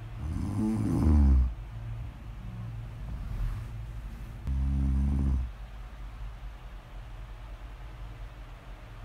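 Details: Deep, rough, vibrating snores on the in-breath, about 15 breaths a minute, with quieter breathing between; snoring, recorded as snore audio ASMR.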